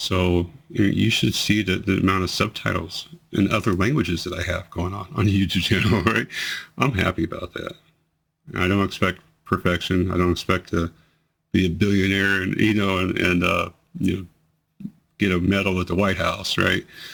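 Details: 43-year-old man with multiple system atrophy, 2 years 3 months into the disease, reports worsening slurring, words delayed about half a second, hesitation to speak, and tremor affecting his voice; dysarthria (slurred speech) in multiple system atrophy.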